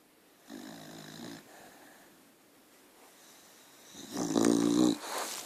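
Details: Sleeping, very tired dog gives two rumbling, buzzy snores on breaths in, the second louder, with quiet breathing between: snoring.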